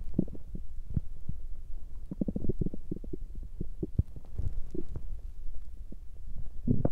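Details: Woman's stomach growling while hungry and digesting, during her menstrual period: low gurgling rumbles and bubbling pops from the belly; stomach growling.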